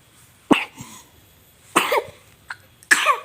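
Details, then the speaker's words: Three coughs from a 5-month-old baby, with a small cough-like sound between them; a home remedy of warmed, crushed garlic mixed with telon oil was rubbed on the body to ease the cough. "bayi 5 bulan batuk-batuk setelah pakai cara ini Alhamdulillah mereda batuknya sampai tertidur pulas"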